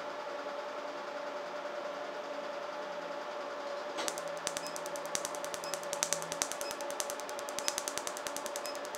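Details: Room hum, then rapid, sharp snapping clicks a few times per second: pulses of a RevLite SI Q-switched laser during tattoo removal on a patient under anesthetic.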